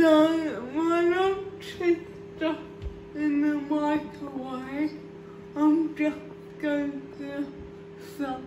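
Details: Real female adult with cerebral palsy, feeding herself with a Neater Eater feeding device for the first time without help; a speech disorder is inferred, not stated: dysarthria.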